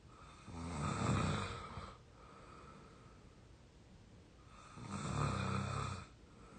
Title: real exhausted snoring 22 year old audio 3